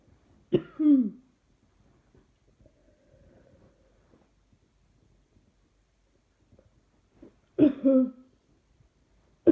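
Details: Two separate bouts of short, dry, voiced coughs, each two or three hacks long, in a quiet room; the person is trying not to cough, which seems to bring on more coughing.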